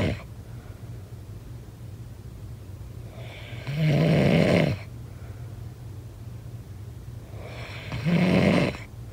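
Low, rasping snores on each breath in, about 15 a minute, over steady room hiss; snoring during sleep.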